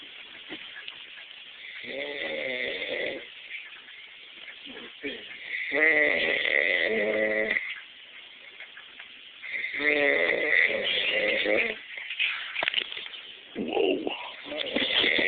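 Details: A man who fell asleep snores loudly: rattling, buzzing snores recurring roughly every four seconds with quieter gaps, over a steady background hiss.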